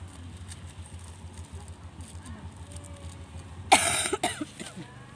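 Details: Adult with an ongoing cold and runny nose coughing outdoors: low street and engine noise, then one loud harsh cough and a brief follow-up.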